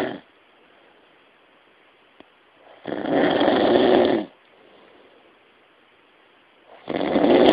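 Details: Loud rasping breaths roughly every four seconds with quiet exhalations between: snoring during sleep.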